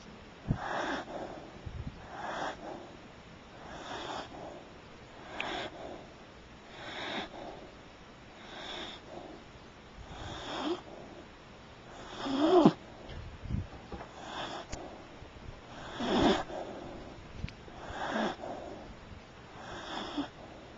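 Regular rough, rattling breath noises about 16 times a minute, each breath snorting through the airway; snoring.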